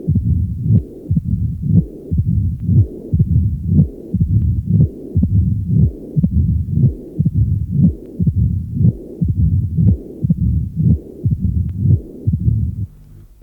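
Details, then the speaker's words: Teaching recording at the apex: significant mitral stenosis with mild mitral regurgitation, the usual mitral stenosis signs plus a more marked systolic murmur that can be hard to recognize because many other sounds are heard and systole is shortened. "Outre tous les signes habituels de la sténose mitrale, il existe un souffle systolique beaucoup plus marqué. Un souffle systolique typique qui peut être difficile à reconnaître."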